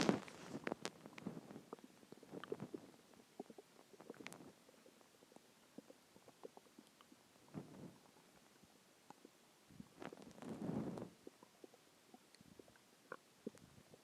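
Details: Quiet gurgles and longer rumbling growls coming and going against near silence, a few hours after a huge meal (cheeseburger, fries, three eggs, onion rings, cheese stick, chicken tenders); borborygmi, normal stomach growling.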